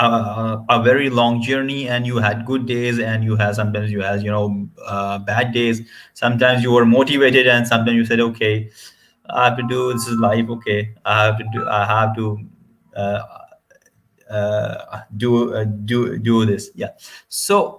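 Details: Adult male who stutters, hosting an interview with another person who stutters; stuttering.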